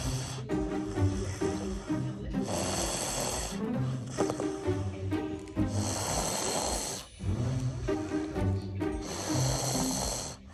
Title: Snores like a grown man 😂🤣